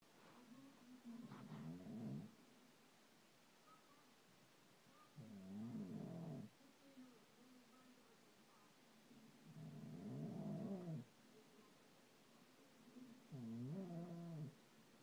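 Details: Husband snoring loudly while wife can't sleep: rumbling snores on each in-breath with quiet out-breaths, roughly 16 a minute; heavy snoring.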